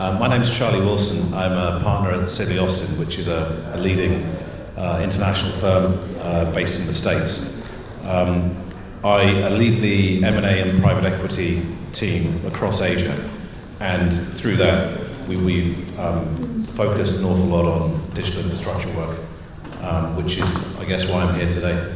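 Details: Adult male speaker; normal speech.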